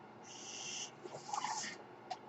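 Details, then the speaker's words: Mechanical ventilator sound heard behind the speaker, who says the noise is his own ventilator. "hello everyone my name is that noise you're hearing is my ventilator"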